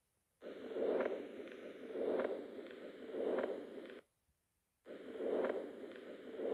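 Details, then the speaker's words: Unbroken rushing heart murmur through systole and diastole, swelling with each beat at about 50 a minute; continuous murmur from an arterial-to-venous communication. "these murmurs are audible during both systole and diastole although their intensity usually varies during systole and diastole the result from a communication between a high pressure arterial and low pressure venous chamber or vessel"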